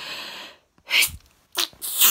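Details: Sneezing that has just started at 3:10 on a Tuesday morning, after a long weekend of parties and hot weather: two sharp, hissing sneeze bursts in quick succession after a brief quiet pause.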